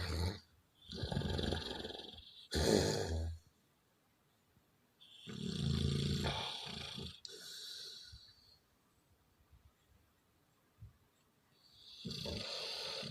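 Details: A dog snoring heavily: loud, harsh, snorting snores with rough rattling in uneven bursts and pauses.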